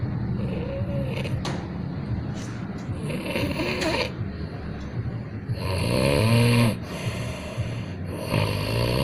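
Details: Water buffalo snoring: rough, irregular snoring with noisy surroundings.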